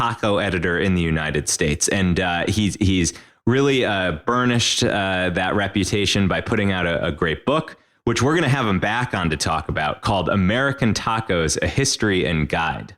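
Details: Adult male speaker; Normal speech.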